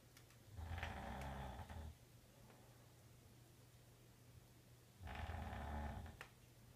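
Two low, buzzing snores several seconds apart over a steady room hum; ordinary snoring.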